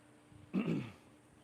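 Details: Recorded during an equine chiropractic upper-neck (poll) release on a barrel horse: a single brief, low, rough throat-clearing burst in a quiet setting.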